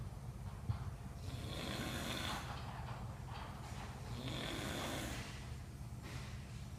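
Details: Man asleep on the job in a warehouse, snoring loudly: low rumbling in-breaths with some snorting against room noise.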